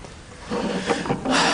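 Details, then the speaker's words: A few brief, soft clicks over faint rustling as the knee bends after knee replacement surgery, judged normal; knee replacement clicking. "yes yep nothing that's the normal knee replacement"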